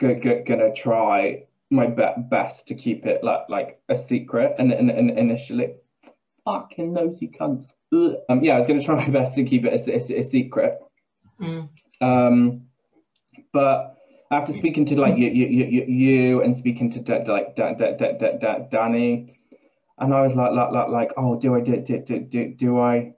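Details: Adult man with Tourette syndrome speaking in an interview; word and syllable repetitions with interjected vocal tics; Tourette syndrome (vocal tics).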